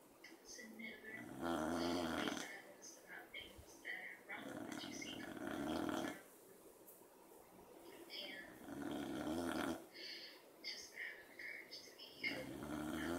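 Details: Beagle snoring during an afternoon nap beside a dachshund: repeated rough, noisy breathing of a sleeping dog with soft room noise between breaths; snoring.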